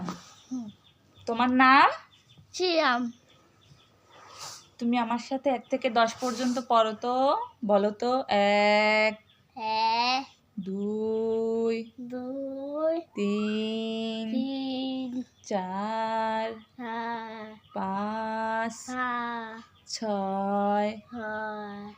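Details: Young boy with a cochlear implant repeating after his mother during speech-therapy practice; speech of a child with a cochlear implant.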